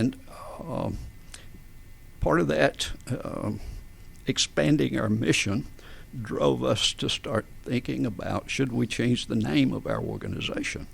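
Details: Adult man with adductor spasmodic dysphonia since about 1999-2000, in which vocal folds spasm and slam together and don't release, so speaking takes extra effort and feels strangled; treated with botulinum toxin injections; adductor spasmodic dysphonia.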